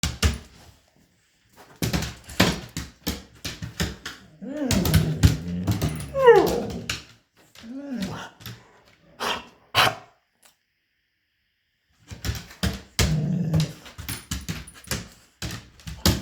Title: cough for Victor